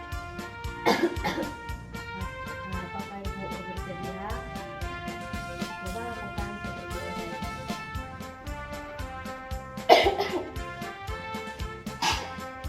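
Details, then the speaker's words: Nurse demonstrates an effective cough technique meant to relieve shortness of breath and clear the airway: about three deliberate, forceful, controlled coughs over steady background music. "eh baik di sini saya akan memberikan contoh eh batuk yang efektif"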